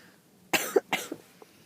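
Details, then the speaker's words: Two quick, harsh coughs ending a coughing fit in a person ill with flu, who reports aching and feeling hot and cold, with a hoarse voice. "um yeah so that was nice and we've come back here and still feeling a bit ill but everyone keeps asking me how my flu is"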